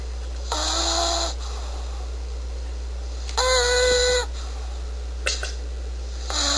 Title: A pitbull dog that snore